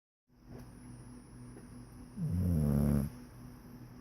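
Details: Snoring during sleep: low, steady rumbling breath noise with one louder, rougher snore in the middle.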